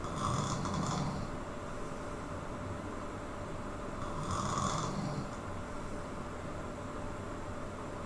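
Two rough snores about four and a half seconds apart, partly masked by steady background hiss.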